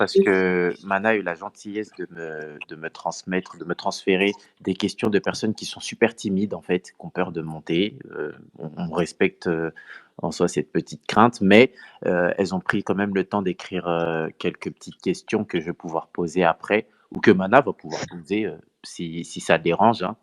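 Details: Adult male speaker; normal voice.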